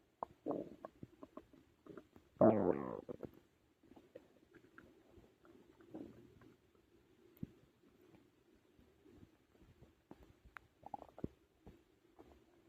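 Quiet bubbling and clicking gut sounds with a few louder gurgling rumbles. Normal digestion noises after eating.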